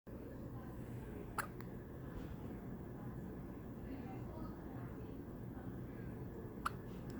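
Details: Newborn baby with hiccups: two soft, abrupt hiccup clicks about five seconds apart over a steady low room hum.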